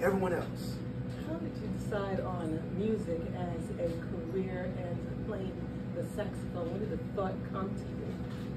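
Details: Adult male speaker; ordinary speech.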